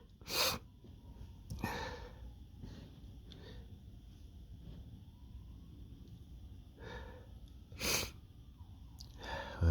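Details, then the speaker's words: Male with dust allergies flaring at a dusty workplace, persistent nose tickle; two sharp explosive allergic sneezes with breathy sniffs and snorts between. "still a few in there just coming hey that was a big one I think a big one"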